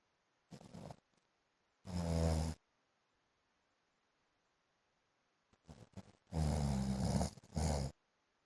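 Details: Husband snoring heavily during sleep, likened to a motorbike: loud, rough, buzzing snores in bursts, a shorter one then longer rattling ones, separated by silence.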